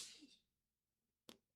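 A single sharp, hissing sneeze burst, then a brief soft thud; an ordinary sneeze.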